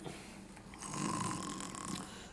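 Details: Acted, simulated snore in an Egyptian comedy film scene, a mother sleeping: loud, rough, rattling snore on one drawn-in breath.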